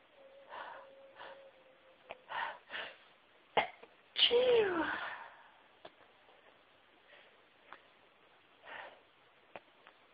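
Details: Very sneezy person recording a variety of sneezes: several of varying force, some stifled and muffled, one loud full sneeze, short sniffs between.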